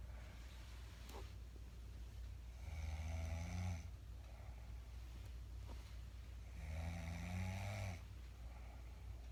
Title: My wife was snoring a bit louder tonight. Lol